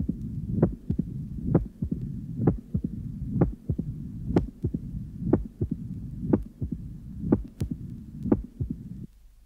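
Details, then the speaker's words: Pure tight mitral stenosis at apex, sinus rhythm, pliable valve, about 63/min: loud snapping first sound, silent systole, opening snap closely after second sound, rumbling mid-diastolic murmur filling diastole with presystolic crescendo. "the first heart sound is loud and snapping sisterly is silent the opening snap follows closely on the second heart sound and then the rumbling mid-diastolic murmur is heard which fills the whole of diast and terminates in a prolic crescendo"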